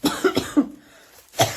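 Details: Female who is currently ill, four rapid voiced harsh coughs, a brief pause, then one more; says she couldn't sleep and mentions an inhaler ("bombinha"); cough.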